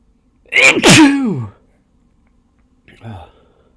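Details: An induced sneeze: one loud, explosive sneeze with a sharp intake and a forceful release, followed by a brief voiced remark.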